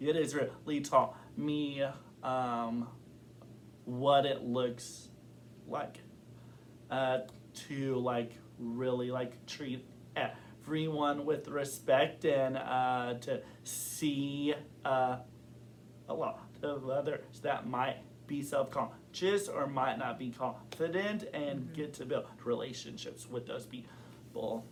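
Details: Adult man who has stuttered since kindergarten, describes blocking as a recent struggle, and says his stutter varies in severity and form over time; stuttering.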